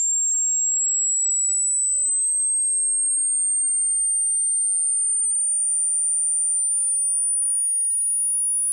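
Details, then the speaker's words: Hearing test frequency sweep for listeners: steady, very high-pitched pure tone slowly rising from low frequency; listener pauses when the sound is lost; hearing test frequency sweep tone. "Let's listen... Get a finger tip prepared to press PAUSE. Are you ready?? 3 2 1 [Tweeting a sound in certain frequency from low"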